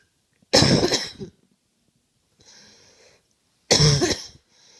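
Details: Coughing: two loud, harsh coughs, each followed by an audible breath in, in a quiet room.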